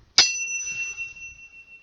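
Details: A sharp strike then a clear, sustained high ring fading over a second or two: a tuning fork struck and placed on the head for the Weber test during a head-to-toe assessment; the patient hears it equally in both ears.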